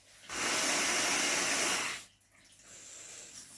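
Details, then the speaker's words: Breathing machine forcing a lot of air into the user's body at night, which the user fights against to talk: loud steady rushing hiss of air for almost two seconds, then quiet. "quite a lot of air currently being forced into my body that I'm trying to fight against so I could actually talk"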